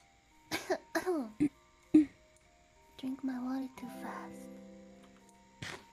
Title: Hiccups all around